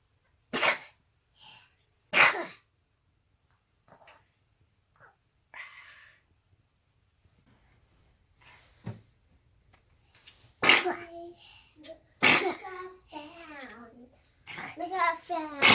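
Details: Baby who sneezes every morning: two sharp, explosive sneezes close together, then more loud bursts mixed with voices; repeated morning sneezing.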